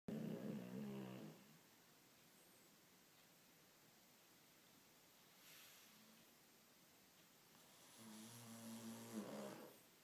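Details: Two rattling snores about eight seconds apart, with quiet breathing between them in a still room; snoring.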